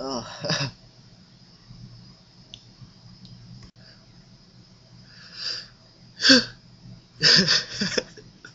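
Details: Adult sneezing: a few sharp, forceful bursts of air, a short run of sneezes.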